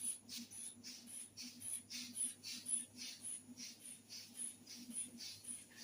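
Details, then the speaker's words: Blood pressure cuff inflated by repeatedly squeezing a hand bulb, heard as rhythmic hissing puffs, with the stethoscope chest piece over the brachial artery at mid-biceps; auscultatory blood pressure measurement, reading 120, normal. "यहां पे हम इसको chest piece को रखेंगे और अपने इस हाथ से हम एयर फिल करेंगे"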